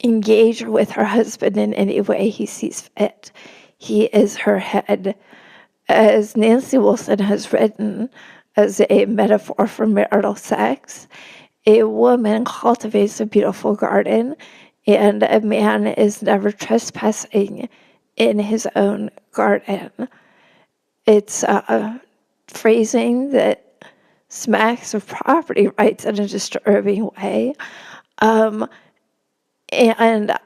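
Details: Adult woman with spasmodic dysphonia, real, speaking in a podcast interview; she notes it makes her sound nervous though she is not; spasmodic dysphonia.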